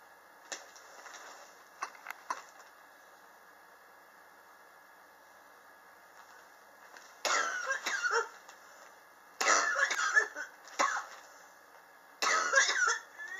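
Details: Chronic cough ongoing since summer 2016, recorded July 2018; the patient believes temperature changes in the apartment trigger it. Several bursts of harsh, repeated coughing separated by quiet pauses in a small room.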